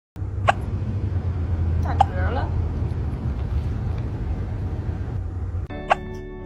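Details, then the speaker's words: Kitten with hiccups: three tiny, sharp, squeaky hics over loud low background hum and music; hiccups. "oh hello have you got hiccups do you have the hiccups oh baby be"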